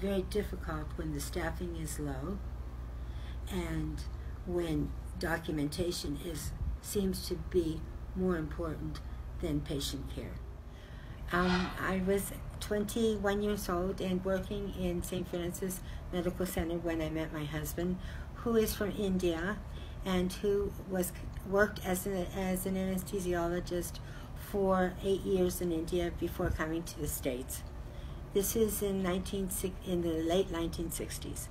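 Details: Adult woman speaking; normal speech.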